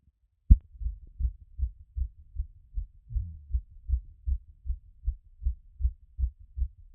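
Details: Own heart auscultated after a workout: fast, steady, muffled heartbeats at roughly 155 a minute, settling from a peak of around 180.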